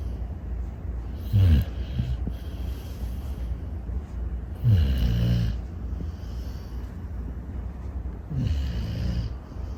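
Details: Sleeping rescue bully-breed puppy: loud, low, rumbling snores with a snorting quality, about three in ten seconds, over steady low background noise; puppy snoring.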